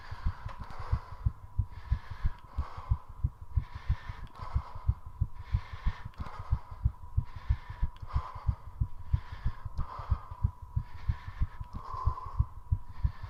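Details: Rapid regular heartbeat near 180 a minute with heavy breathing puffs, recorded during 3:30 minutes of squats with a continuously rising heart rate; exercise-induced tachycardia.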